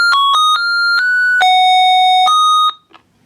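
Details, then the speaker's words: AliMed cordless patient fall alarm: loud tuneful electronic chime melody sounding when pressure leaves the sensor pad, signalling a fall-risk patient has moved off; stops when pressure is reapplied. "When pressure is reapplied to the sensor, the alarm will stop. Before using with a patient check the reset settings."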